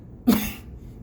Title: COVID cough